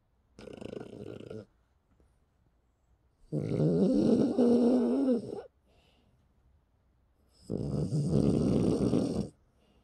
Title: Snoring Dog